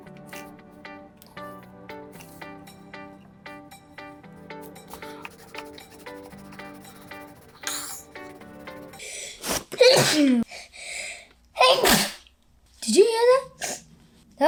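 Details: Over background music and children's homeschool chatter, a double sneeze from a female pet cat, with brief voice-like sounds between the two short, sharp sneezes.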